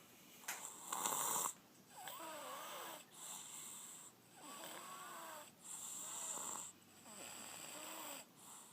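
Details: Sleeping baby girl snoring loudly "like a man": repeated loud, rough snoring breaths about every 1.5 seconds, with a whistling edge.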